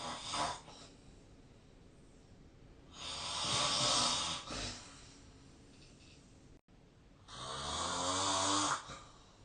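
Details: Sleep snoring sounds recorded on 2025/03/24 with the SnoreLab snoring app on a phone. Snoring.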